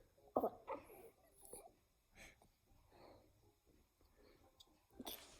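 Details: A young child tries to stop his hiccups while family members coach him: a few short, abrupt catching sounds in a quiet room, hiccups.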